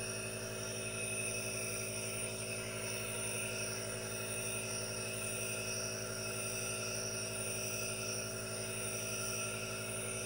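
Steady, continuous hissing hum of a running nebulizer compressor, with no pauses or talking; normal device operation.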